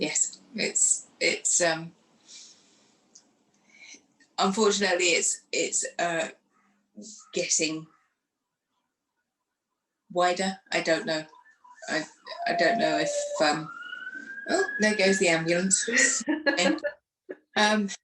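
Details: Aphasia in a woman who lost her speech after a stroke following surgery in 2018, aged 44, and went through rehab.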